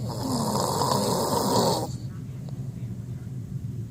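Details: An adult sleeper gives one loud, rough, fluttering breath of about two seconds, then quieter room noise; snoring.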